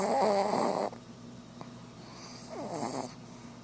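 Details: Tiny female pet snoring while asleep, said to snore as loud as a person and to have been louder before recording began: soft snorting snores on two breaths with a faint purring rattle, quiet room.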